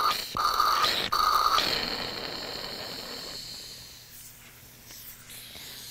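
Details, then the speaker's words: Nursing lab demonstration of tracheostomy tube suctioning, clearing the suction tubing after the catheter is withdrawn: a loud hissing slurp of fluid and air through the tubing, then a fading steady hiss. "When you are withdrawing the suction catheter, you want to twist in order to get all the surfaces of the tracheostomy tube. Your patient may cough when you're suctioning. I'm gonna go ahead and just clear my suction tubing."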